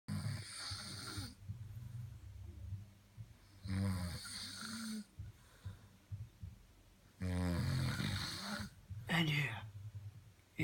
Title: Snoring with David Attenborough commentary